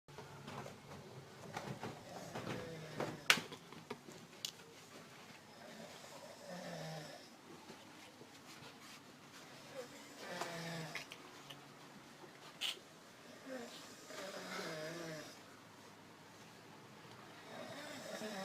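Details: Irregular, rattling snores with noisy breaths and occasional sharp clicks and snorts over room noise from a sleeping man; snoring.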